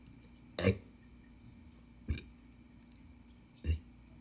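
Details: Woman demonstrating esophageal speech by saying the alphabet on swallowed air, an early practice task; she still has a usable larynx, so some sound may come from it; esophageal speech (demonstration).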